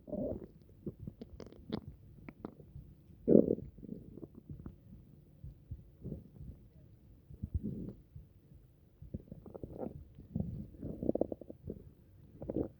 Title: upset stomach rumbles